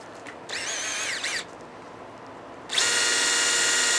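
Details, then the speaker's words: High-pitched whining power drill in two runs, the second steady and sustained: a 4.2 drill bit through sleeve C and drill guide B, boring through both cortices of the talus for a 5.0 mm screw in an ankle arthrodesis nail. "vamos a utilizar la camisa C con su guía de Broca B con una Broca de 40 4.2 Perdón vamos a hacer la perforación para la colocación del tornillo de"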